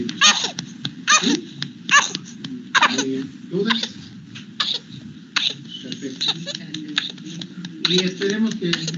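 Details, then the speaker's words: Child infected with pertussis (whooping cough), paroxysmal cough: rapid run of explosive coughs with high, strained breaths in between; paroxysms described as more pronounced in babies, attacks up to 50+ times daily. "aquí tenemos un audio muchachos vamos a ver si se puede escuchar de un niño infectado para que puedan ver cómo es ese status paroxística o esta tos ferina que es más pronunciada en lo que son los bebés"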